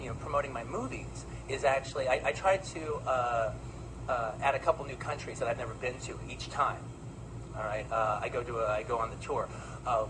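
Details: Adult man; normal speech.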